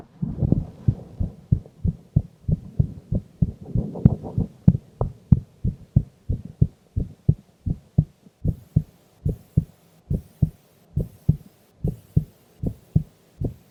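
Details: Female recorded asleep during an afternoon nap: regular, soft, low lub-dub heartbeat thumps repeating steadily, with a faint hiss later on.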